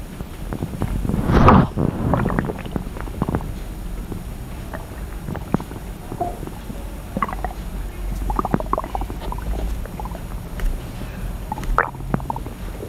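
Low gurgling, sloshing and scattered soft crackles and pops from the belly, normal stomach growling over a steady room hiss.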